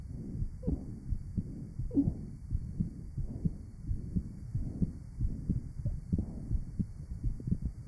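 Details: Real 1955 heart sound laboratory recording at the aortic area of a patient with rheumatic heart disease and mitral valve disease: rapid, somewhat irregular low heart sounds with added murmur noise.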